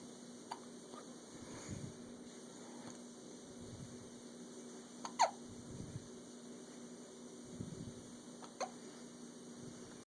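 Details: Hiccups: a few brief, sharp, clicky catches at irregular intervals, about four in ten seconds, in a quiet room.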